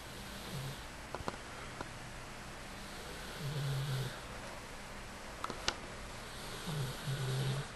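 Three low, rumbling, buzzing breaths repeat every few seconds over a room hiss; snoring in a sleeping dog.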